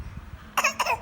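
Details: Toddler pretending to cough: two short, light, voiced cough sounds; voluntary cough.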